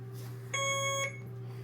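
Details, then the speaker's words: Single clear electronic beep from an Alaris 8100 infusion pump over low room hum: air-in-line alarm during a training demonstration, sounding after a 60 units/kg bolus was started over 5 minutes. "In order to clear air in the line, silence your alarm."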